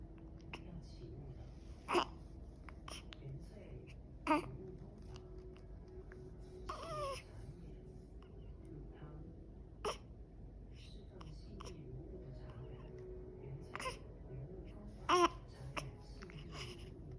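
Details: Baby at 28 days old with persistent, endless hiccups: brief sharp catches recurring every few seconds amid soft infant babbling and fussing in a quiet room; infant hiccups.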